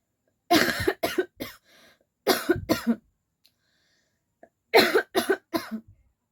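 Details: Voluntary cough in a coughing challenge, woman fake-coughing on purpose until it turns into real coughing and a sore throat: three bursts of deliberate forced coughs, about eight in all, separated by silence.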